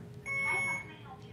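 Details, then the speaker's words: Steady high electronic alarm tone from an IV infusion pump beside a 34-year-old woman hospitalized with acute myeloid leukemia receiving platelets, faint room noise. "my machine is just beeping thank you"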